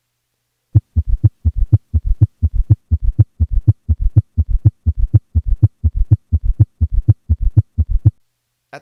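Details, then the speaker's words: Summation gallop in a patient with both S3 and S4 at a heart rate of 120: a rapid, regular three-beat gallop cadence in which the extra diastolic sounds have fused. "this point the extra sounds in diast have fused and it is no longer possible to distinguish one from the other or even be sure how many sounds exist"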